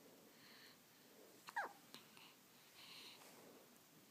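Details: An infant girl with hiccups who does not seem bothered by them.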